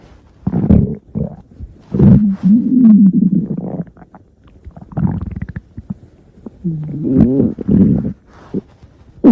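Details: Stomach growling (borborygmi): loud, drawn-out gurgling growls with squeaky, rising tones in several bursts, normal bowel sounds of gas and fluid moving.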